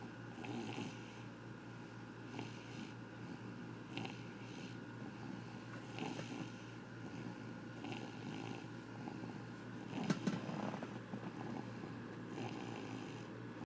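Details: Snoring during sleep: soft, steady rhythmic snoring with regular breaths against faint room hum.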